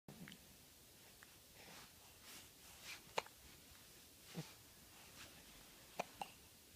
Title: 1/9/15 - More smiling and hiccups